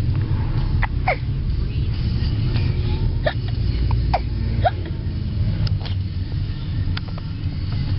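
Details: Young boy in a moving car: about five short, sharp hiccup sounds at irregular intervals over steady engine rumble; hiccups.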